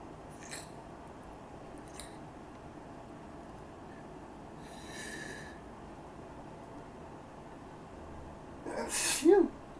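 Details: Sneezing attributed to allergies: quiet breathy sounds, then one loud forceful sneeze near the end.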